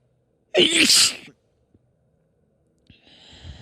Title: Sneeze fit (f)